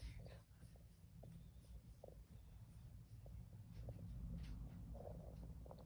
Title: My cat is snoring 😴